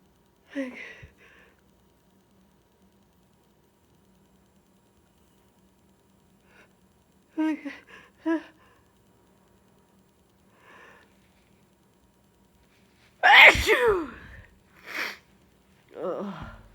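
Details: Sneezes with a cold: several breathy build-up intakes, then a loud burst sneeze followed by two smaller sneezes in a quiet room.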